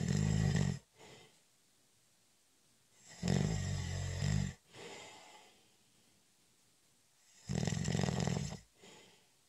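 Loud, rattling snores on each in-breath with softer out-breaths, about three breaths in nine seconds, roughly 19 breaths a minute.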